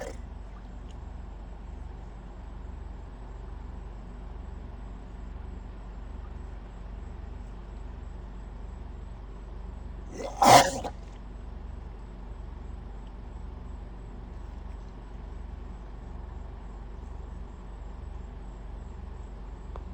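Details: Florida crocodile at Everglades National Park "coughing" at a photographer: a single short, explosive cough-like burst over a steady low background rumble.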